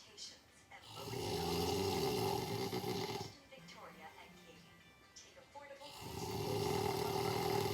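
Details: Long, loud, rumbling snores with a vibrating tone on breathing in and quieter pauses between, recorded to play as sleep company. Loud snoring.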